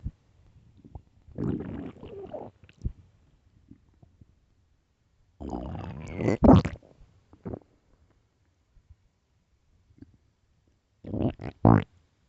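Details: Loud stomach growling from hunger: three separate gurgling, squeaky rumbles with quiet gaps between them from an empty stomach; borborygmi.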